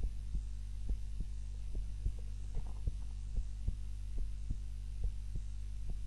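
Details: Heart sounds recorded by timer during a daytime nap, lying on the back rather than the usual face-down: low regular paired thumps roughly 70 a minute over a steady hum; normal heart sounds during sleep.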